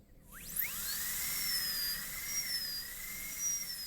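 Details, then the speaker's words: Shrill high-pitched whine of a high-speed dental drill, pitch dipping under load, cutting a class II distal-occlusal preparation on a maxillary molar in a teaching demonstration. "so now we're going to cut from there in straight we'll adjust the angle until it's 90° by trial and airor it's a little bit obtuse now"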